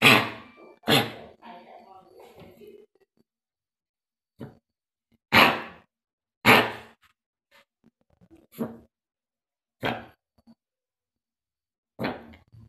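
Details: Dog with tracheal narrowing (collapse) gives repeated harsh, dry, honking coughs resembling a goose honk.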